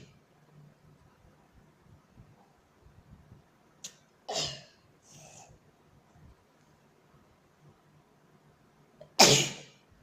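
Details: Early-morning sneezing fit: several sharp, hissing sneeze bursts in a quiet room, the last one loudest, over a low background hum.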